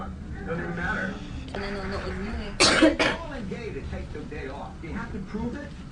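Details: Smoker's cough from a young Filipina woman during a cigarette smoking session, stated as real and not acted: two harsh cough bursts in quick succession over background talk.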